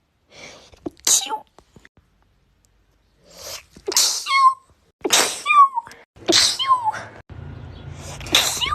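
Several sneezes, each with a sharp inward catch then an explosive burst, some ending in a short vocal sound.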